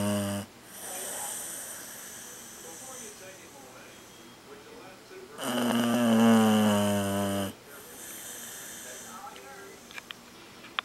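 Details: Chow Chow dog asleep, snoring loudly; rumbling, whistling snores with snorty breaths between, in a small room. Snoring.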